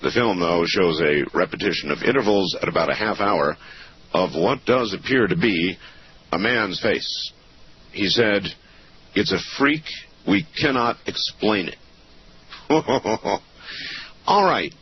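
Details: Adult male narrator; Normal speech.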